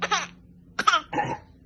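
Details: A young child gives three short, voiced coughs in quick succession during an eye exam; cough.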